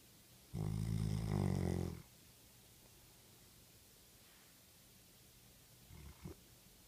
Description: Chocolate labrador snoring